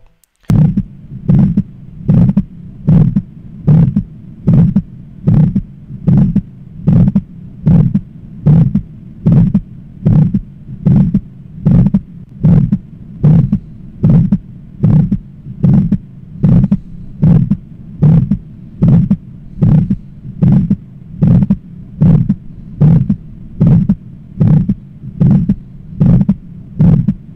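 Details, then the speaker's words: Regular heartbeat at about 75 a minute with a harsh mid-systolic murmur that often masks S1 but leaves S2 audible. Characteristic aortic stenosis murmur. "bien en este caso lo que hemos oído es un soplo característico de una estenosis aórtica un soplo sistólico la estenosis aórtica lo que se produce es un soplo mesosistólico que frecuentemente oculta el s1 pero no al s2"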